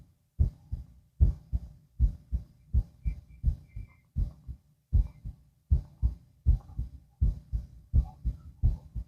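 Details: Normal heart sounds on auscultation with the subject lying down, two minutes at each site: steady paired lub-dub beats at about 80 a minute, a normal resting adult rhythm.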